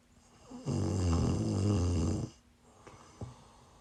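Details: Person snoring while sick, recorded live: one long, deep, rumbling snore on the in-breath, then quiet; low, fluttering snoring during sleep.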